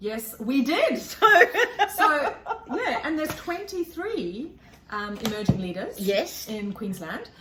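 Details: Adult women in conversation; ordinary speech.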